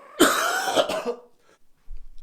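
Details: Cystic fibrosis patient on a 2-week IV antibiotic course, lung function dropped from 92% to 74%: single harsh, loose-sounding cough burst with short second push during indoor exercise.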